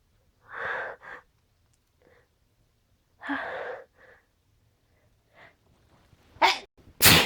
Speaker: Sneeze. Phew. I gotta sneeze.